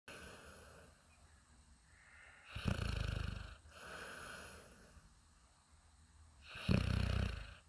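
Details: Slow, rumbling snores, three in a quiet room with softer breaths between, from a sleeping Saint Bernard puppy; ordinary snoring.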